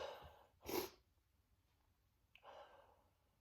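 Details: Man sneezing on himself, huge desperate sneezes: a quick inward breath, then one loud explosive sneeze and a softer breathy exhale; a single sneeze.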